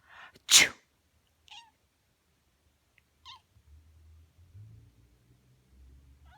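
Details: A person's imitated "achoo" sneeze, one loud explosive burst, prompts short meows from a black cat who always meows at sneezes, here while grooming herself; faint low background noise.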